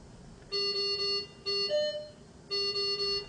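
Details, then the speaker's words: Repeating high electronic alarm tones in a quiet room from a Datex Aestiva anesthesia machine during checkout, the no oxygen pressure alarm sounding as oxygen supply pressure falls to zero with the oxygen tank closed. "when the oxygen pressure Falls to zero you should hear and see the no oxygen pressure alarm"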